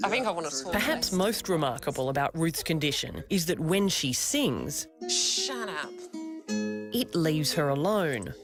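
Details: Adult narrator, followed by singing with guitar; typical speech.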